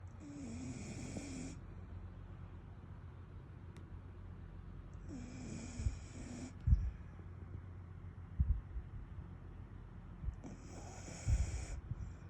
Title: SNORING LIKE HE HAS BILLS TO PAY🤣 #shorts #viral